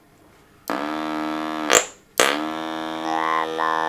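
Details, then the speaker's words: Electrolarynx (artificial larynx) pressed on the neck by a man after laryngectomy for head and neck cancer, producing a low steady mechanical buzz at one fixed pitch in two bursts, shaped into a robotic vowel. "it works by pressing it onto the side of the neck and when you press the button it vibrates to give um an artificial"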